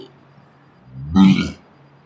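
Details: Man burping deliberately on his day off, played in slow motion: a single drawn-out, low rumbling burp in a quiet room; burping.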